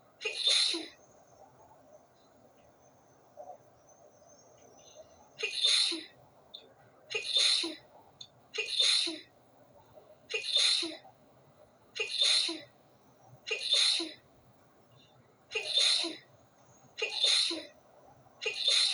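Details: About ten sharp, hissing sneezes every one to two seconds in a quiet room at night with the window open; sneezing fit, with more sneezes following.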